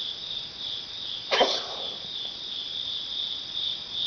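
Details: A single short, harsh cough from a cat, with steady cricket chirping in the background; cat cough.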